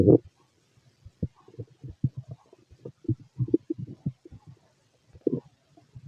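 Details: Fit adult male stomach noise: rapid, irregular gurgles and low bubbling pops from the belly; ordinary stomach rumbling, borborygmi.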